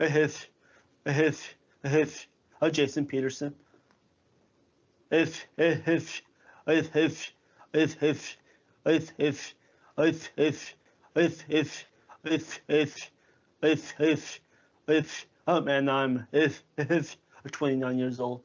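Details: 29-year-old man who stutters, speaking with repeated words and phrases; stuttering.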